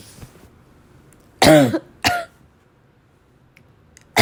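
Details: Girl, in a cough compilation: two loud, harsh, dry coughs in quick succession with a rough barking quality, then a third starting; dry barking cough.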